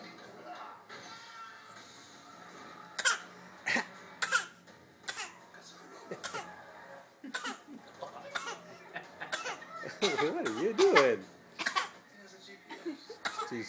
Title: Practicing coughing...